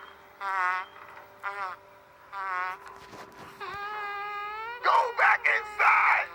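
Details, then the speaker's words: Adult man's stomach growling, which he attributes to a diet upsetting his system: tonal, squeaky gurgles followed by bubbly rumbling bursts. "Just a tummy gurgle. Diet messed up my system."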